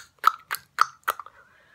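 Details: Four sharp tongue clicks in quick succession from a woman with Tourette syndrome, an involuntary vocal tic repeating a heard sound (echolalia).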